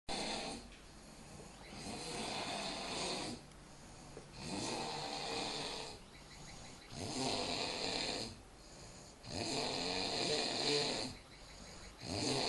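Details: Loud, rough snoring on each breath, about 22 a minute, with a harsh rattling quality, from an adult roommate sleeping during a trip in Vietnam.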